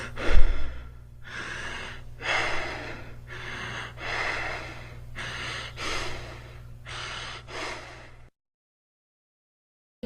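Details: Fast, deep, heavy breaths in a steady rhythm, Kussmaul breathing as in diabetic ketoacidosis, the patient breathing rapidly and deeply.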